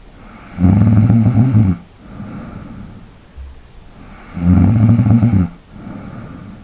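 Two loud, low rattling snores on inhalation, each followed by a softer breath out, in a quiet room.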